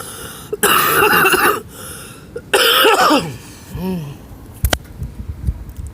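Two long, harsh coughs from an adult, followed by a brief throaty sound and a click.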